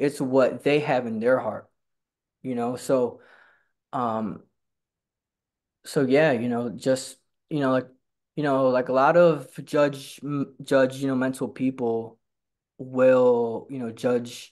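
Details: Stuttering in a male person who stutters who attends stuttering support group meetings.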